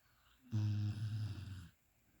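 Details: Dog sleeping: a single low, deep, buzzing, droning snore lasting about a second in a quiet room; snoring.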